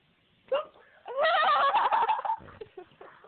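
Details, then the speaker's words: Person with hiccups: a sharp, abrupt vocal catch, then laughing and giggling with a few smaller hiccup catches. "I'm sick of hiccuping we have the hiccups if you haven't"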